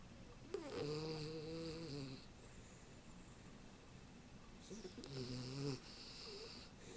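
Two drawn-out, buzzing snores with a whistling tone on top, separated by a quiet pause; ordinary snoring.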